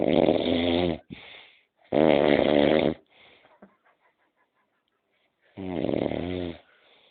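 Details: Loud, rumbling snores on three inhalations, each about a second long, with softer breathy exhalations between. Heavy snoring.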